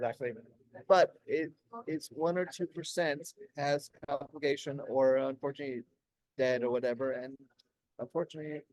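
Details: Adult man 16 years after a stroke during heart valve surgery, with post-stroke aphasia; he could say only one word for about a year at first and still has word-finding difficulty.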